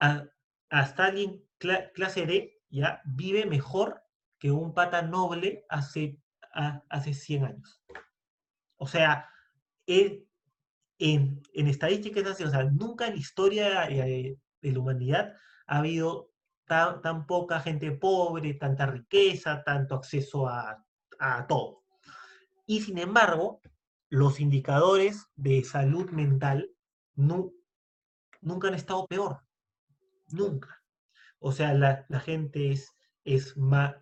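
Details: Stuttering in a Spanish-speaking man introduced as a person who stutters, speaking as a podcast guest.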